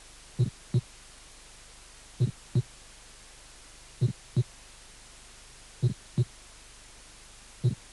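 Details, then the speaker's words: Aortic ejection click from a cardiac auscultation teaching course, presented before the pulmonary systolic click and non-ejection mid-late systolic clicks. "clic histórico aórtico"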